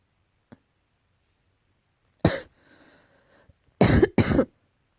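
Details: A faint click, then three short, harsh cough bursts with a soft wheezy rasp between them in a quiet room; repeated coughing, tagged allergy.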